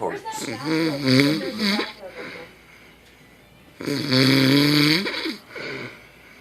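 Two loud, buzzing, pitched snores a few seconds apart from a sleeping adult man.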